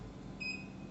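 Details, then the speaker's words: Single short high-pitched beep over quiet room noise as the plus key is pressed on a ZY-5AW oxygen concentrator, adding 10 minutes to the timer: a key-press confirmation tone. "So every time you press the plus key, 10 minutes is added."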